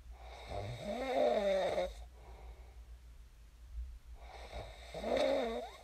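Two loud, rattling, vibrating breaths in about six seconds with a quiet exhale between them: typical sleep snoring.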